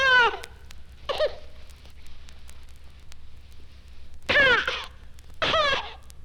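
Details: Infant with cystic fibrosis crying: coughing with the cry, as these infants often cannot cry without coughing.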